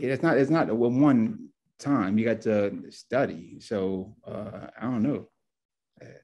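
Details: Adult man, two years after a left-brain stroke with multiple clots, with word-finding problems; real stroke survivor; aphasia.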